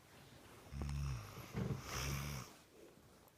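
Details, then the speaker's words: Adult woman (wife) snoring while asleep, though she denies snoring: one loud, low, rough rattling snore with a snort in the middle; ordinary snoring. "lovey if you do not stop snoring I will kill you I'm not snoring you're not you're not snoring but you are"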